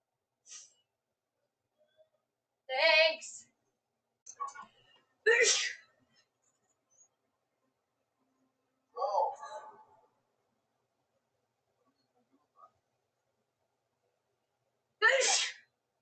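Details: Several sharp sneezes in close succession with brief silent gaps; a woman's sneezing fit.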